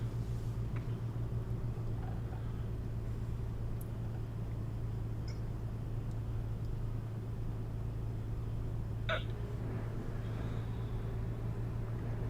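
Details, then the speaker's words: Adult hiccups: a few brief, sharp catches heard over a steady engine drone. "You got hiccups? Yeah. It sounds like it."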